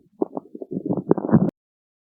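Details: Stomach growling (borborygmi): a short run of gurgling, bubbling rumbles lasting just over a second.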